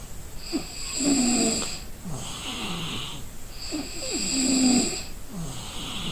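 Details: Person sleeping from exhaustion: rough rattling snores on each in-breath, about two cycles over six seconds, over steady high-pitched background noise; ordinary sleep snoring.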